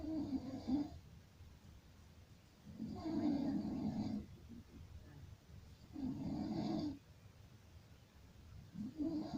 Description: Enjoy this horrible sound of Snoring at its finest.